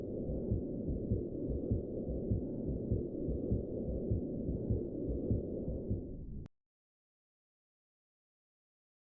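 A low, rumbling murmur runs without a break through every heartbeat, swelling with each beat: the continuous machinery murmur of patent ductus arteriosus.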